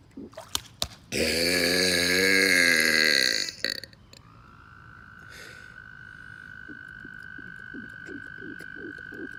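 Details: Burping at a pool: one loud, drawn-out voiced belch lasting over two seconds, then quiet background with a steady tone.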